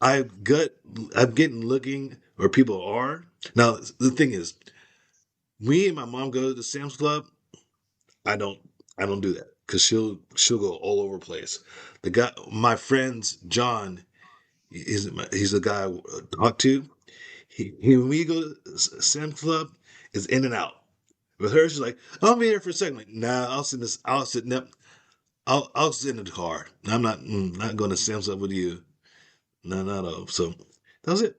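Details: Aphasia caused by stroke, in an adult woman.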